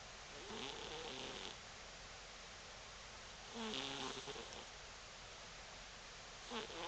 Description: Our cross-eyed tortoise-shell cat snores. LoL